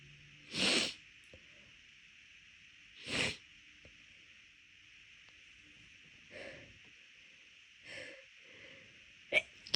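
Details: Induced sneezing when the nose already felt off midway through a walk: two loud explosive sneezes, then several fainter ones; rapid, big repeated sneezes.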